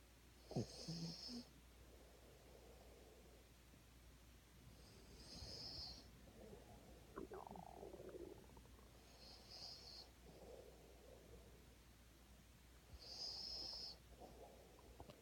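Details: Soft, hissing, whistling snores about every four seconds, roughly 15 a minute, over quiet room noise; snoring.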